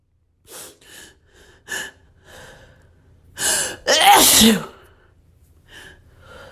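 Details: Dust-triggered sneeze: quick gasping breaths in build to a loud explosive sneeze, with softer breathy sounds around it.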